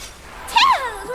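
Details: Imitated sneeze: a brief hiss followed by a loud, falling voiced 'cha-heung' burst, offered as how a sneeze normally sounds.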